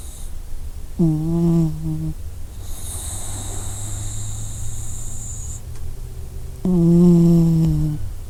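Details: Two low, buzzing, tonal snores about five seconds apart, with quiet breathing in between, from a sleeping puppy; ordinary snoring.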